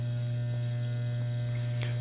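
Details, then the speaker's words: Steady low electric hum of a dental model vibrator at its lowest power, settling freshly vacuum-mixed stone while pouring a dental stone model. "that just vibrates it down so you can you want to air dry it just a little you don't want it soupy you just want it wet but you said that's the lowest power of vibration and that's just air in that can right there"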